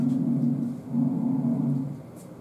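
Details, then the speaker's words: Bronchial (tubular) breath sounds demonstrated via stethoscope: harsh, hollow breath sounds with loud inspiration and expiration, transmitted from trachea and bronchi when lung no longer holds air, as with fluid or collapse. "and so uh that's when you get what called the tubular or bronchial sounds which sound like this this sound should sound familiar to any star wars"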